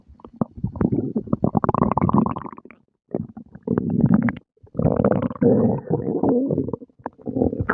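Bursts of low gurgling and rumbling with brief pauses: ordinary stomach growling after a meal.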